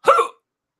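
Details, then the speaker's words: Drunk adult man hiccuping repeatedly gives a single short, abrupt voiced hiccup that ends quickly in silence; hiccup. "I'm so drunk oh I'm not even sure what I'm saying I just know I'm hiccuping a lot lot I just hiccup"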